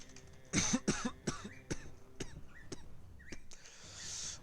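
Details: Run of several harsh coughs in quick succession, then throat clearing, during a live gaming session; the speaker attributes the cough to allergies rather than COVID; ordinary cough.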